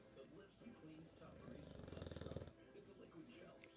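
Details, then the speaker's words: Bulldog snoring at night loudly enough to wake the owner at 1 a.m.: a brief rattling, fluttering snore over television sound and room noise; snoring. "this my friends is what woke me up at 1:00 in the morning oh now he's not really snoring now he's being quiet"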